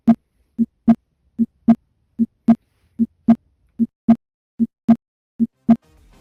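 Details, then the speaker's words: Regular paired heart sounds at about 75 beats a minute, no added sounds, auscultated at the aortic area (second right intercostal space, parasternal line), patient seated upright: normal heart sounds. "Primero, foco aórtico, el cual se localiza en el segundo espacio intercostal y la línea paraesternal derecha. Y vamos a proceder a escuchar."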